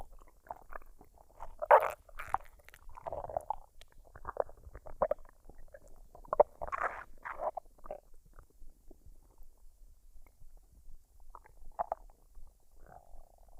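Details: Adult woman's belly after eating fried rice and duck: irregular gurgles, squelches and short bubbling rumbles, unedited with no artificial sounds; normal bowel sounds.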